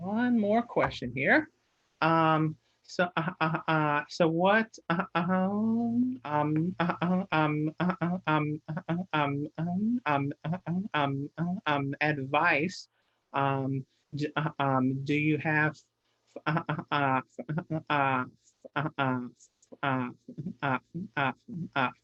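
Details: Stuttering in an adult man who stutters, with frequent filler interjections and repeated words.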